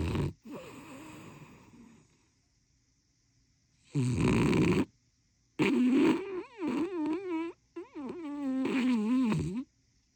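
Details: Sleeping puppy snoring: loud rattling snores on each breath, with whining, wavering voiced sounds between them.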